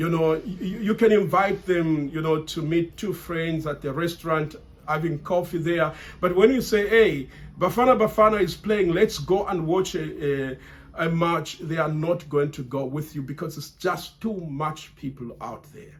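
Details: Man who has stammered since childhood, still stammering under stress and feeling under pressure while recording; word repetitions; stuttering.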